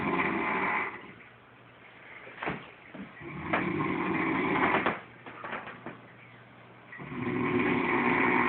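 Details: Loud, rough, rattling snoring likened to a horse, in slow cycles with quieter gaps and some clicks; snoring.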